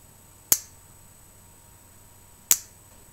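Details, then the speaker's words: Two sharp, separate clicks from a fertility injection pen, each marking a dose step of a 300 dose self-injected by a 39-year-old woman preparing for IVF; injection pen click. "and now I'm going to put the 300 in you might be able to hear it pop and that's the cap letting me know what's going in each little"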